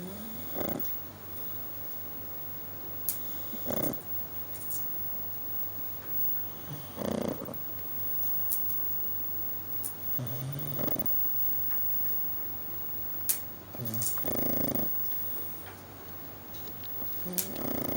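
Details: A pug sleeping: repeated rough, snorting snores at about 18 a minute, uneven in timing, in a quiet room; small flat-faced dog snoring loudly.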